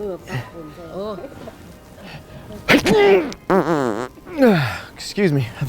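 Loud sneeze sounds mixed with fart-like noises and speech. Imitated prank sneeze, not a natural one.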